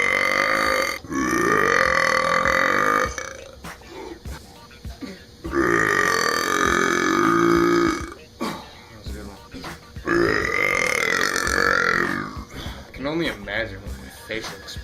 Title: Talented guys burping from different nationalities/ Chicos eructando de diferentes nacionalidades.